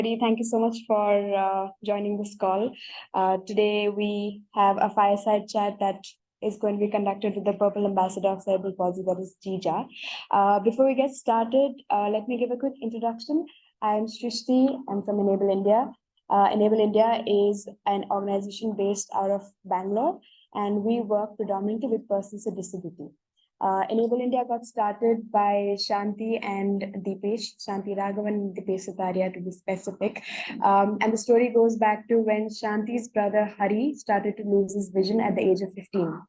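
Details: Adult woman speaking; typical speech.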